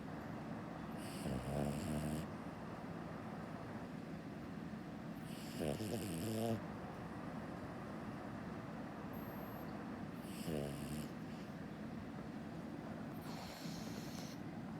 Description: Cutest video of my dog snoring.